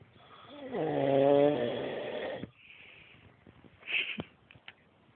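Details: Adult man (husband) snoring loudly, as he does every night: one long, loud, buzzing snore on the in-breath, then a quieter breathing-out phase with faint snuffles; music in background.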